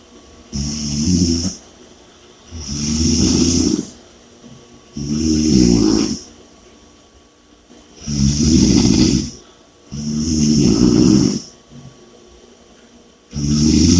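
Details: Snoring with heavy breathing during sleep: loud, rattling snores on each breath, about 9 breaths a minute, with heavy breathing between them.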